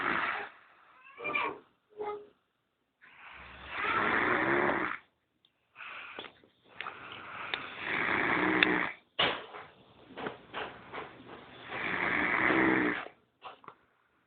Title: El Ronquido :D